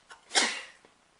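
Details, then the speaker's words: Single sharp, hissing sneeze after a brief intake of breath, trailing off quickly; woman sneezing repeatedly while applying makeup, saying "let me sneeze, excuse me." "oh God let me sneeze excuse me"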